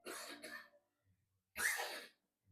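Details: Cough in a person whose cough has started again despite using a respiratory care remedy.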